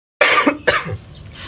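Two loud, harsh cough bursts in quick succession from an adult, followed by quiet.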